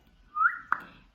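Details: An 18-year-old woman whose Tourette syndrome is described as severe and limiting makes a brief, sudden whistle followed by a sharp click, an involuntary vocal tic.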